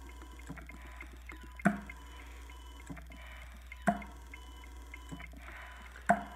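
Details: Prototype ventilator running on battery after AC power disconnected, cycling with sharp mechanical clacks about every 2.2 seconds, roughly 27 cycles per minute; pressure and flow measurement not yet perfected.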